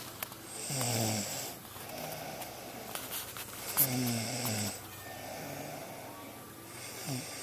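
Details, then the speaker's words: Two loud, rattling snores on in-breaths a few seconds apart, with quiet room noise between; ordinary sleep snoring recorded at 9:19 on a Sunday with a Flip Video camcorder. "This is in case you don't believe me about your snoring."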